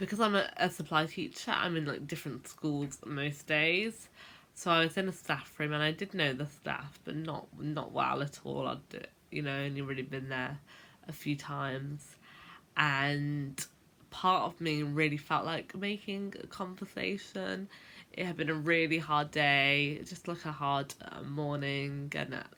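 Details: Adult who has stammered since about age 10; stuttering (stammering).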